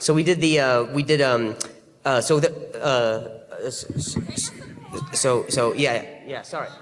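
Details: Male stand-up comedian who stutters, speaking live after a loud bang disrupted the show; he says noises in his ear while talking set off his stutter and he is struggling to hear himself; stuttering.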